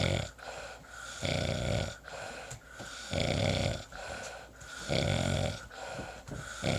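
Rough, rattling snores with each breath, roughly 17 breaths a minute; ordinary snoring.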